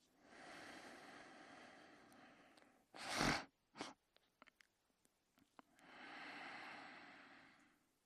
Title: Sleeping and Snoring in his Bed in 42 seconds